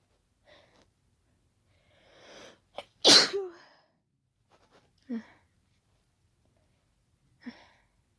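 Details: Loud wet sneeze with small snorts and sniffs before and after, triggered deliberately by closely smelling daisies; sneezer reports allergy, tickly, wet sneezing.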